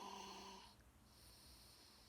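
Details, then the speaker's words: One loud, rattling snore on an in-breath, then quiet breathing, from a sleeping male cousin who snores very loudly; ordinary snoring. "This is my cousin snoring. He snores really loud. It's just loud."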